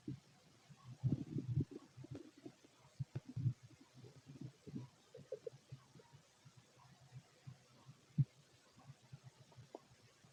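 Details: Fit adult male, empty stomach: quiet, scattered low clicks and soft gurgles with little sustained rumbling; sparse bowel sounds, not much activity.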